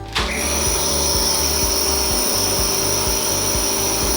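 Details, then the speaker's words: Steady buzzing motor hum with rhythmic pulsing starts abruptly as a pediatrician switches on a child's nebulizer compressor, mask over mouth and nose, producing medicine mist; demonstration for children with wheezing or breathing trouble. "And the fun part, get to put it over the kiddo's face, over their mouth and nose. They absolutely love this part. Just kidding, sometimes they don't. And we turn the machine on."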